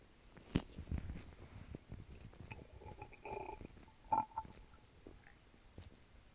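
Soft gurgles, low rumbles and fizzing noises from the belly; ordinary bowel sounds.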